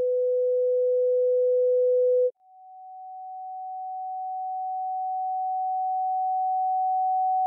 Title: Tinnitus Frequency matching Test: from 200Hz to 14000Hz | Pure Sine wave